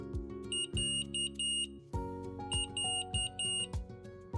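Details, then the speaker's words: Reminder beep from an Omnipod insulin pump system, signalling the user to turn on the PDM and read the on-screen message. "Lorsque vous entendez un rappel, allumez votre PDM et lisez le message qui s'affiche sur l'écran."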